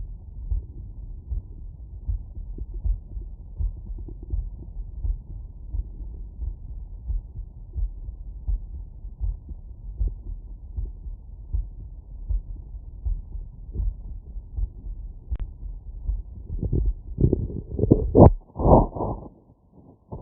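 Soft, low, regular thumps of a heartbeat come through a stethoscope, with a muffled background. The two heart sounds are steady, with no added murmur, which fits a normal heart. Loud rubbing and scraping from the stethoscope moving against the chest break in near the end.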